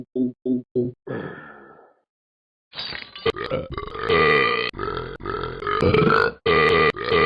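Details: A run of loud, long, croaking, voiced, rumbling belches from the animated Talking Ben app character: a burping frenzy.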